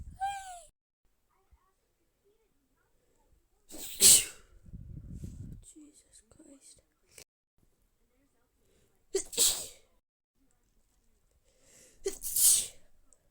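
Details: Three sharp, hissing sneezes with soft breathy sounds between them in a quiet room, from someone described as feeling poorly; sneezing.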